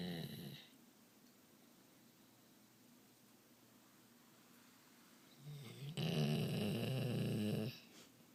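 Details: Nightly snoring while asleep: two loud, rattling snores separated by several seconds of quiet breathing.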